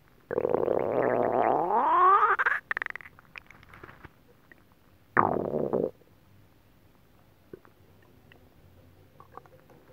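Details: Adult's stomach growling an hour or two after eating a whole pot of nabe stew: loud, long gurgling growl rising in pitch, then a shorter rumble; normal bowel sounds.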